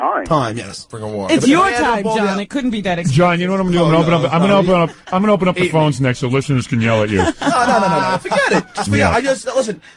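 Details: Adult men talking on radio; conversational speech.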